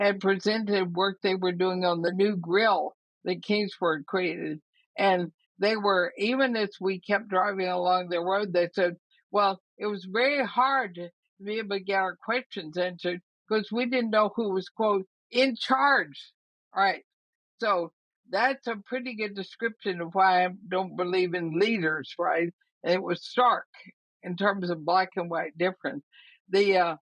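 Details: Woman about 80 years old diagnosed with ALS (Lou Gehrig's disease), who says she already has quite a bit of trouble speaking but thinks she is still intelligible; dysarthria (ALS).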